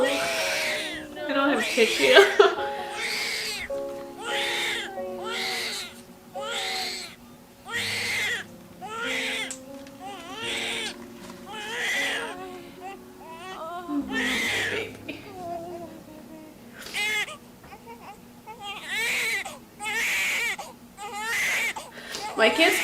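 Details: Repeated short, high-pitched newborn cries over soft background music, just after a fast hospital labor and delivery without epidural in 2020.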